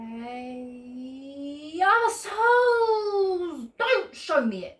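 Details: Female with Tourette syndrome producing vocal tics in response to alphabet letters read aloud by another person.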